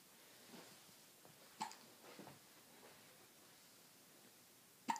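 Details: Two babies with hiccups: soft, sudden catching sounds, a few in several seconds at uneven spacing, over quiet room noise; infant hiccups.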